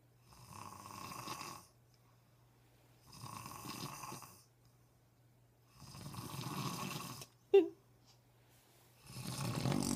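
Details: Adult man's loud rattling snores about every three seconds, four in ten seconds, with a brief sharp noise between the third and fourth; ordinary snoring.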